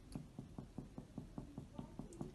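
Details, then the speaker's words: Simulated respiratory exam teaching demonstration: anterior chest percussion in the fifth intercostal space over the liver gives a dull percussion note; dullness also noted over the cardiac apex, resonance resumes lower down. "you can hear dullness in the fifth intercostal space as we are currently percussing over the liver"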